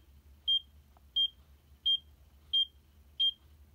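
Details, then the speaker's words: Checkme Pro portable ECG device recording for 30 seconds: steady high-pitched monitor beeps, about 88 a minute, tracking each heartbeat; result was regular ECG rhythm. "okay again the results are on the screen and it's giving me the results of regular ecg rhythm"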